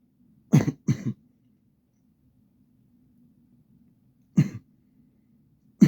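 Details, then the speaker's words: Chronic cough: short, low, rough coughs and throat clearing in pairs with a faint hum between them; the patient describes static in the cough that antibiotics help. "Like, I care about me coughing. Try to pay attention to me coughing, you know?"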